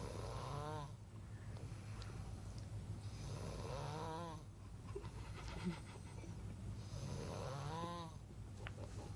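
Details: Night-time snoring: loud, low rattling snores, about three in nine seconds, each on the in-breath, over a steady background hum.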